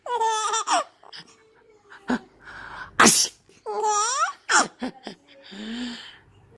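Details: A man's sharp, explosive sneeze, with an infant's giggles and gasps before and after as the infant enjoys the dad's sneezing; an ordinary sneeze.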